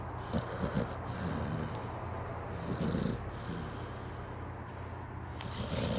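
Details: Sleeping pit bull snoring with rough, snorting breathing noises and a whistly hiss.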